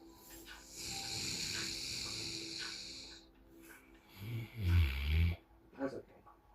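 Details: Cane Corso dog sleeping, giving a couple of low, rough snorting snores over steady background hiss.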